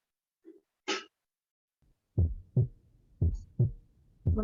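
Regular low heart sounds at about 58 a minute after a brief noise; the second sound splits normally with breathing in, a harmless physiological split.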